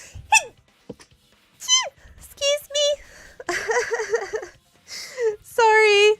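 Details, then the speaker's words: Adult's involuntary sneezes: a run of high, squeaky, falling-pitch bursts, likened to a guinea pig, with one breathy, noisy burst between; sneezing. "I couldn't stop the sneeze. Oh, my face. [laughter] That hurts. Thank you. Thank you. [laughter] Oh my god, my sneeze. My sneezes sound ridiculous."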